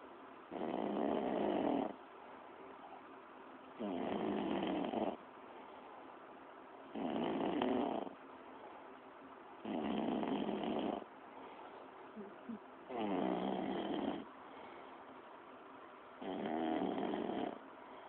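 Six rough, rattling snores on the in-breaths with quiet gaps, about 20 breaths a minute, moderately loud, in a quiet room.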